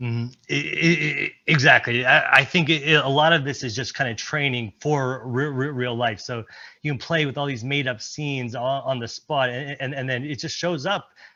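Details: Presenter at a stuttering-community event, speaking during an improv presentation, with repetitions; stuttering.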